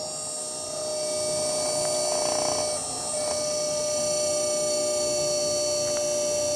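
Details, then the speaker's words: Dental implant pilot drill on a 3D-printed patient model, going slowly without pressure to 10 mm: steady high-pitched motor whine with a brief grinding rise. "So you have a drill like this. You will go in. Never apply pressure. Never apply pressure like this. Just go slow."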